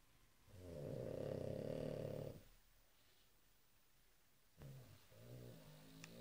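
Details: A pug sleeping and snoring, loud for a small dog: a loud, rattling in-breath snore with a throaty buzz, then a quieter snorting breath.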